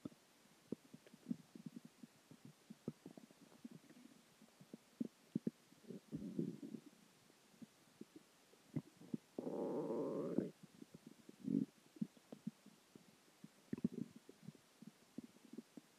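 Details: Stomach growling (borborygmi) after dinner, water and gas: soft gurgles and clicks with a few longer low rumbles and one loud growl from gas and fluid moving through the gut.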